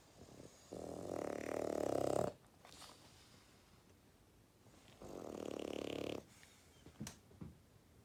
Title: My cute dog snoring